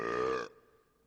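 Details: Cartoon sound effect, not a real person: one loud, drawn-out voiced belch of about half a second that stops abruptly; burp.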